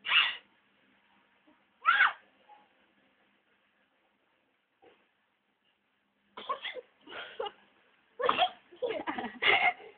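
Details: Infant boy gives two sharp, brief sneezes, then laughs at his own sneezes in a run of giggling bursts.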